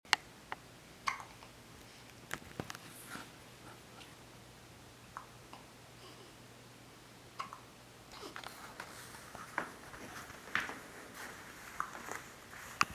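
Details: Infant with soft, brief clicking catches repeating irregularly in a quiet room, small sudden throat closures; hiccups.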